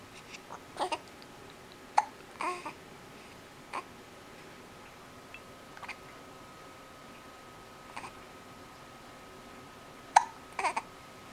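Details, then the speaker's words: Baby with hiccups: several brief, sharp little catches at irregular intervals in a quiet room, with soft baby sounds between them. "Do you got the hiccups? Huh? Do you got the hiccups?"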